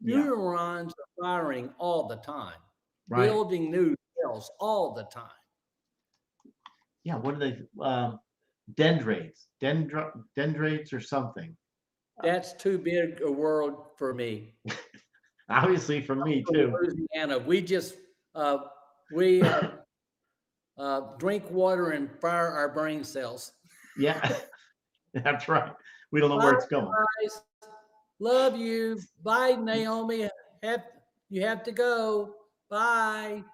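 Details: Stroke survivor with aphasia caused by a stroke about 9.5 years earlier, speaking live; aphasia.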